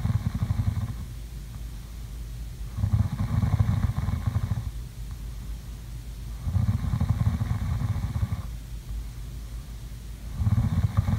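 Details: ASMR sleeping-sounds recording of snoring during sleep: slow, rumbling breaths on each inhale, about four in eleven seconds, over a steady background hum.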